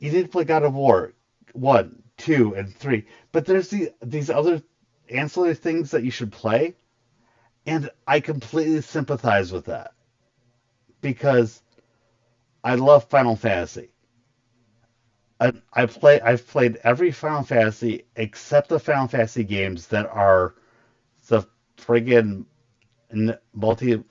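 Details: Stuttering in an adult male streamer with a very large stutter, partly controlled after extensive voice therapy, still present.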